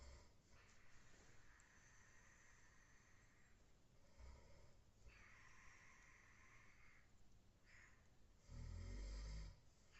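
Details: Roommate snoring every night while asleep: loud, harsh snores recur throughout, several with a rough rattling quality, over steady room noise. Heavy snoring.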